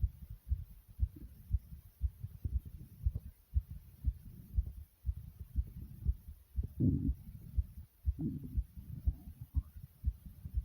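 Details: Fast, hard, forceful heartbeat at about 120 beats a minute, with the stomach growling and gurgling a few times.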